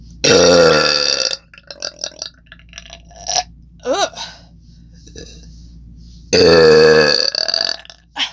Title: Burping with my new Mic!